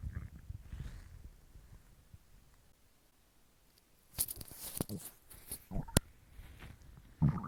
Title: Stomach growl (I'm hungry)